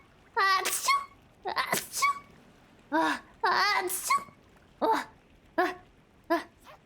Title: VTuber Sneezing Compilation part 2